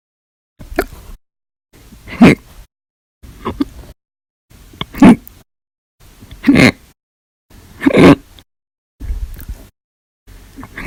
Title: 8/1/19 to 8/31/19, Violent, Bad Loud, Silent, Minute, Second Hiccups Audio Only Part 1